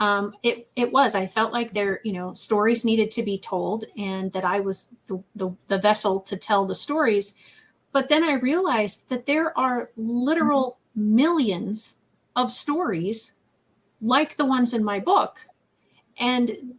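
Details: Adult woman speaking; typical speech.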